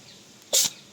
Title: Cat sneezing